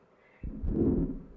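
A loud, rough whooshing sound swells to a peak late in the beat, then fades: a late-peaking crescendo-decrescendo systolic murmur from right ventricular outflow obstruction.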